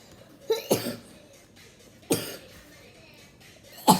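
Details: A cough by a person reviewing hair clips.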